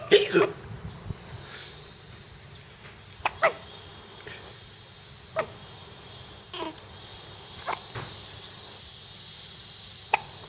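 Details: Repeated hiccups: short, abrupt hiccup sounds about every one to two seconds, roughly eight in ten seconds, over quiet room noise.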